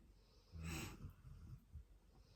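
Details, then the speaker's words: A single rough, snorting breath with fainter low breathing after it from a sleeping dog, tired after an off-road bush walk the day before, in a quiet room: snoring. "we'll get started and we'll see what comes up if we can hear it through the snoring"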